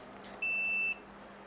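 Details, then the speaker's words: Ultrasound therapy machine for physiotherapy, made in China, switched on at the rear power switch after the head and power cord are connected; a single clear high-pitched electronic beep about half a second long as it powers on. "হ্যাঁ এই পিছনে একটা পাওয়ার switch আছে সুইচটা on করলেই মেশিনটা on হয়ে"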